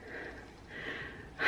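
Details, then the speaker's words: Two noisy, rough breaths from a severely disabled son with residual flu congestion, weak cough, normal temperature and good oxygen levels, ending in a louder snort-like burst; congested, rattly upper airway breathing. "so he just has that gunky residual congestion that just sitting there and he's not coughing that well"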